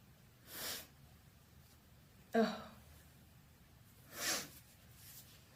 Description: I sneeze loudly and openly in this video. I have the house alone and show off some vocalized sneezes.